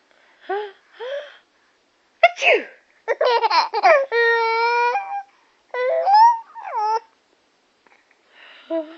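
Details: Mother sneezing while a child giggles at her; a sneeze.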